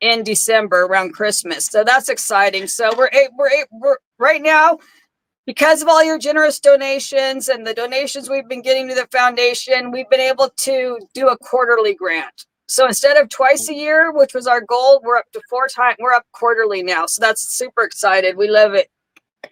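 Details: Adult woman speaking; normal speech.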